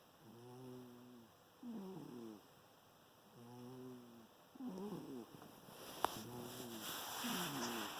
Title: Thing snoring (volume up)